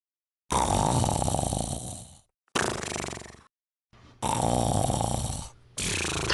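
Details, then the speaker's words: Acted, simulated loud snoring in a Japanese comedy skit about a soldier keeping a bunkmate awake in a Ground Self-Defense Force dormitory. "田中ニスオのいびきむっちゃうるさいやん全然寝れん"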